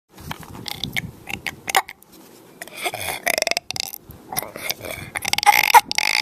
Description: 6 year old burping.